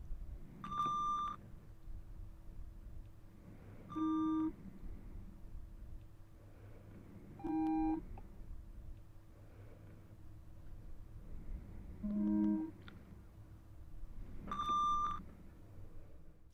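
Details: Five short pure beeps at varying pitches, a few seconds apart over quiet room noise, played through headphones in a roleplayed (simulated) ear examination hearing test.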